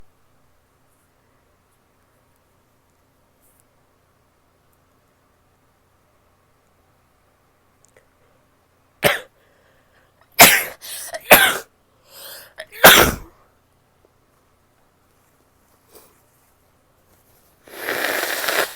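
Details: Female who is still sick: after a quiet stretch, several sharp explosive sneezes, then a longer rushing nose blow; sneezing and nose blowing.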